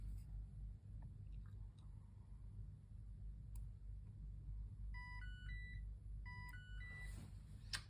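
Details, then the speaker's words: Insulin pump alert in a type 1 diabetic, beeping for an unknown reason: two quick runs of short stepped high beeps over quiet room hum. "if you could hear uh something beeping in the background that's because I'm a type one diabetic and my insulin pump is beeping at me for some reason so I will have to check that"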